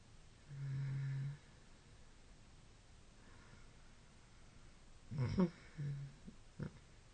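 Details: An adult in deep sleep, very tired, gives a low, droning, wet-sounding moan, a quiet pause, then a few rough snorting breaths; the sleeper suspects trouble breathing; snoring with sleep moaning.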